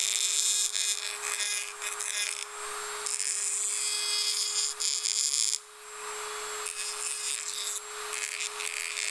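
High-pitched whining drill with a steady underlying hum and bursts of grinding; dental drill sounds without speech.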